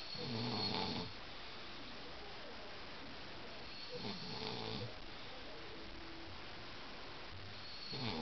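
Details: Husband asleep: soft, short snores about every four seconds over a steady background hiss; quiet snoring.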